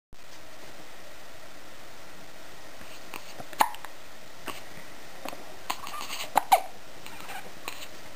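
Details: A child has a bout of several brief, abrupt gulping clicks at irregular intervals over steady background hiss: hiccups.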